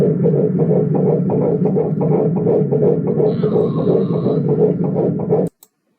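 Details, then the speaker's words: Handheld Doppler over the lower abdomen: rapid, regular whooshing fetal heartbeats of about 160 a minute, a normal rate. "So this is an example of um assessment of the fetal heart activity uh as the first line uh of assessment of decreased fetal movement."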